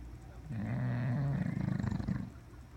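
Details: Female dog sleeping: a low rumbling, fluttering breath lasting about two seconds, ending in rapid vibrating pulses; dog snoring.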